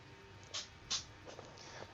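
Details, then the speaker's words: A cat sneezing in the background during a video-game recording: two quick, hissy bursts, faint against quiet room noise. "that is my cat sneezing if you can hear that"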